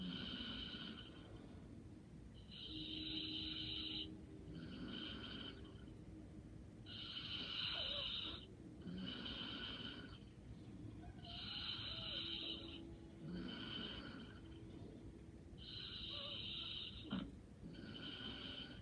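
Soft, regular snores with breathy in-and-out sounds, about 14 breaths a minute, over faint room hum: light snoring in deep sleep.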